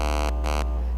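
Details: In a live demonstration on a patient, an Elman radiofrequency device treats the periocular area for skin tightening, five passes per protocol. The handpiece gives loud electronic buzzing tones in two bursts over a steady low hum while delivering energy.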